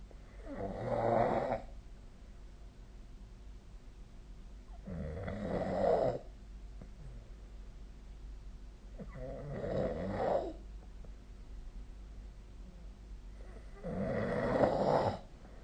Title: 🐽 本日のイビキ / Snoring Sleep Sound 2025/04/21